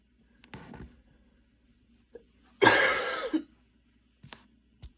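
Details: Single harsh cough from an adult with asthma after walking and running outside in rain, breathing intense, inhaler used; faint breaths and throat sounds around it.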